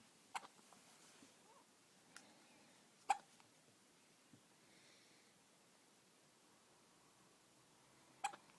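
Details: Two-week-old baby with prolonged hiccups: four short, sharp hiccup sounds at irregular intervals in a quiet room; ordinary newborn hiccups.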